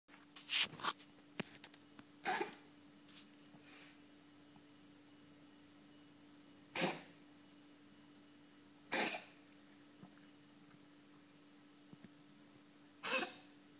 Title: Katze niest - a Cat sneezes